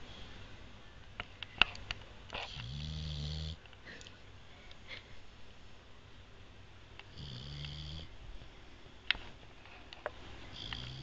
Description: sam the boxer, american bulldog, lab mix snoring his heart out